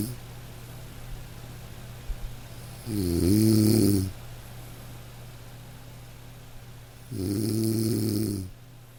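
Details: Gentle dog snoring during sleep, two slow buzzing inspiratory snores, over soft steady light rain hiss; relaxation sleep-sound recording, snoring.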